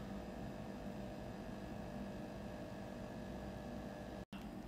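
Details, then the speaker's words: Steady low motor hum of a Meraw Cedar Bluetooth automatic upper-arm blood pressure monitor's pump inflating the cuff, worn a bit above the elbow with the arm on a flat surface, after pressing Start; the reading shows 140/91, 81. "and then for this part right here you want to just click Start and it should start"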